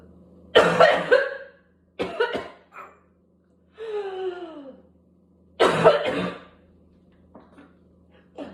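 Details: An adult's coughing spell from whooping cough, harsh bursts with a drawn-out tonal sound between, described as barking, with gagging, spitting and vomiting; paroxysmal pertussis cough.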